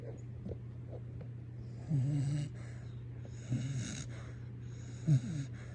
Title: My New Puppy Snores!!!